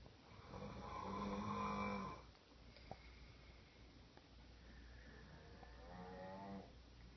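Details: A person's own snoring, recorded on a phone at 4:30 am in August 2013: two slow, loud, rumbling, buzzing inhalations separated by a quiet pause.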